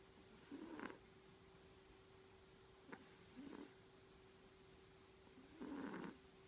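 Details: Soft, short snoring snorts spaced a few seconds apart over a quiet room with a steady hum; quiet snoring during sleep.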